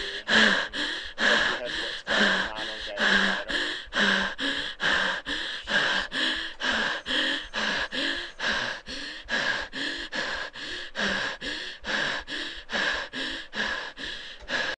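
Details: Young girl with stridor doing a speech task of counting aloud on a deep breath: rapid, harsh, noisy breaths with a high-pitched crowing quality, consistent with stridor from a narrowed upper airway.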